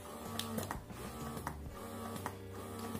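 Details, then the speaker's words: Real Bube electric breast pump running in its breast massage mode (green light): soft motor hum with rhythmic clicks and whirring cycles at the gentle starting setting; faint music behind. "jadi ini tuh ada metode untuk massage payudaranya"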